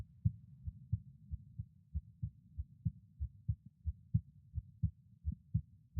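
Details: Normal heart sounds from an adult at rest, recorded at each auscultation point: steady, regular low lub-dub thumps with quiet gaps between them.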